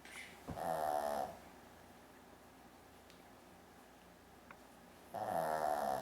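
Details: Shih Tzu dog snoring like a person: two short buzzing snores on breathing in, about five seconds apart, with quiet breathing between.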